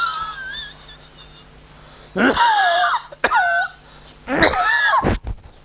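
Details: A doctor imitates a choking cough during a lecture on homeopathic management of cough; choking cough (imitated), not a real patient.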